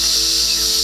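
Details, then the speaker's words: A steady, high-pitched hiss-like ringing imitating what tinnitus sounds like inside the head, described as ringing or humming heard most when things are quiet. Simulated tinnitus, ringing in the ears. "you know a lot of people refer to it as ringing in the ears a little humming sound a little high pitch frequency sound that just sounds like"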